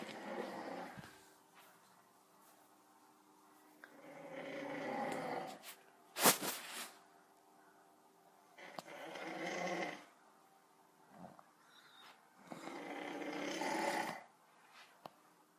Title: My little brother recorded me snoring my head off